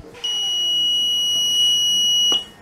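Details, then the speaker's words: Test of a homemade open-circuit ventilator alarm, switched on in alarm mode: a steady, shrill high-pitched tone sounds for about two seconds, then stops. "so if I turn it on just in alarm mode turn my ventilator face on it closed I can test my alarm"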